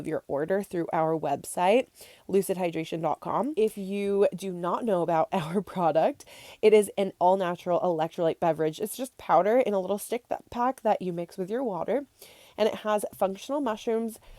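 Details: Adult woman speaking; normal speech.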